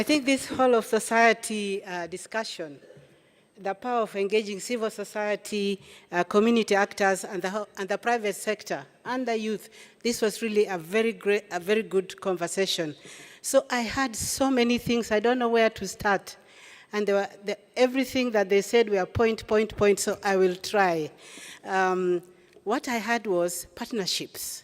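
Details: Adult woman speaking; Normal voice.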